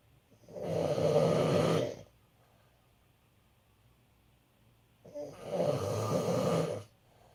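Two loud, rumbling snores about five seconds apart, each lasting over a second with quiet between; ordinary heavy snoring.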